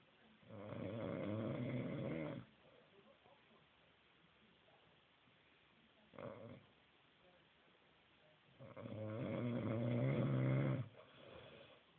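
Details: Snoring from a man who says he doesn't snore: loud, rattling, drawn-out breaths with quiet pauses between, about two full snores plus a short one.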